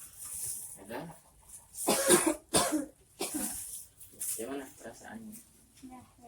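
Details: Effective cough (huff) technique for an asthma patient in a health-education demonstration: several forceful coughs and huffs between quiet speech, practised to clear phlegm from the airways; huff cough technique.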